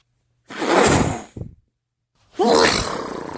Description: A woman started filming her sneezing during hayfever and made a compilation.